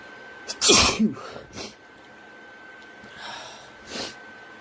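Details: Adult sneezing from allergies: one loud, forceful sneeze after a sharp intake of breath, then quieter sniffs and breaths, with congested voice and sore throat afterwards.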